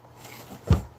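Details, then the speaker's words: Adult's stifled sneeze while talking, a short muffled burst of air after a quiet lead-in, with little of the usual sharp hiss, followed by remarks about all the air escaping. "oh my God sneeze again hold on all I wanted to hear that one"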